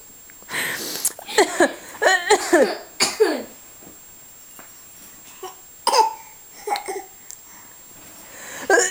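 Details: A child's run of short, partly voiced coughs in clusters, with quieter single coughs after pauses; a repeated cough.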